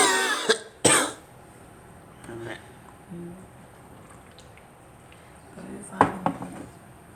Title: Me coughing